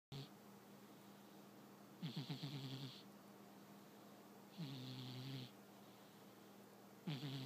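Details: Sleeping cat snoring with soft, buzzing snores and a faint whistle, three breaths over several seconds against a steady low hum.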